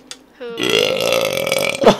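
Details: A long, loud, voiced burp lasting over a second after quickly downing a can of drink while laughing, followed by a brief laugh: an ordinary belch.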